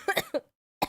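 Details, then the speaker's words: Three or four short, voiced cough bursts from a sick adult woman who has been coughing a lot all day, in a quiet room. "I was I was trying to sleep a little bit, you know, since I'm sick trying to just like relax. But could not do that cuz I kept coughing all the time."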